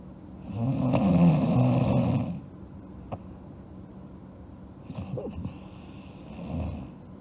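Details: Girl asleep, snoring: one long, rough snore, then softer snorting breaths over steady room noise.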